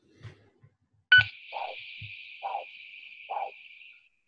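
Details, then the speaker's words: Doppler arterial signal in a podiatry vascular assessment: pulse whooshes about 67 a minute with a barely audible second component, not a healthy biphasic waveform; a shoulder on the down stroke can indicate proximal stenosis. "we can see it there's not an it's not a healthy biphasic that is it at all"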